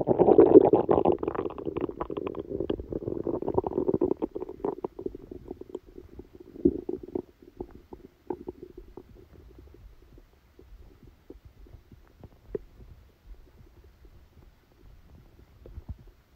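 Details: Stomachache after Christmas dinner, recorded while the person slept: loud rolling gurgles and rumbles fading into scattered small pops and bubbling; active bowel sounds.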